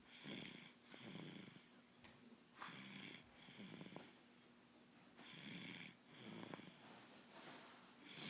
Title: D snoring